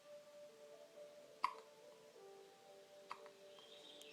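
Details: Baby with hiccups: two small, sharp hiccup clicks about two seconds apart over quiet background music.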